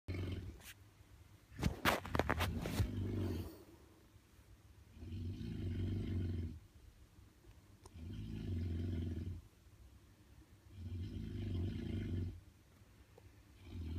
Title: The loudest snoring in the world